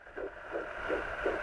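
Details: Fetal heartbeat at 10 weeks of pregnancy on a fetal Doppler: fast, regular whooshing pulses, about 170 beats a minute.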